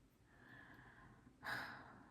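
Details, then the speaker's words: A person sleeping at home in the evening gives a single loud, rough snorting breath against quiet room noise: snoring. "নাক ডেকে ঘুমাচ্ছে শুনতে পাচ্ছ নাক ডাকা"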